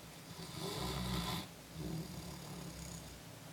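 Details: Snoring: two rumbling snores on slow breaths, the first longer and louder, over quiet room noise.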